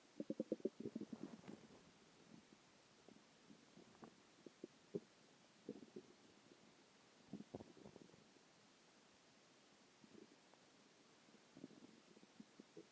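Soft, scattered gurgles and low rumbles from the belly in a quiet room: ordinary stomach growling (bowel sounds).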